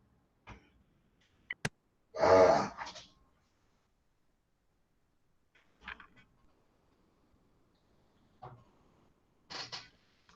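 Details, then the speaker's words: Elderly female dog with dysplasia, in a quiet room, gives several short, harsh, human-like cough bursts with pauses between: dog cough. "Esse barulho que vocês estão ouvindo é a cachorra aqui tossindo, cara. Brincadeira, né? Tosse que nem gente."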